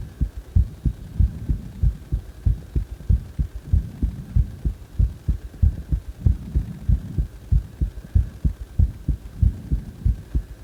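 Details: Steady low thumps at about 95 a minute over a constant hum; the uploader's own regular heartbeat, described as recorded after or during CPR.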